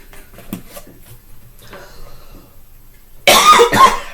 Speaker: Pardon me, coughing. Just getting over something.